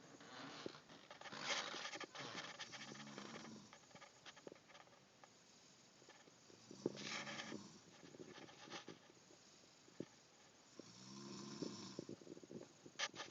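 Three rough, rattling breathing noises about every five seconds, roughly 12 a minute, over faint room noise: snoring.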